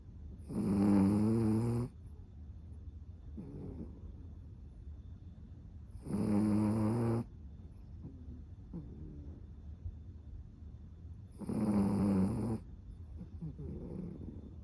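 Three loud, rumbling snores about every five seconds, with quieter breaths between them: steady snoring in a small dog.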